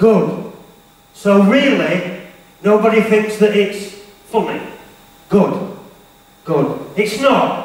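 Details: Stuttering in an adult male motivational speaker who says he has a stammer/stutter; real, not acted.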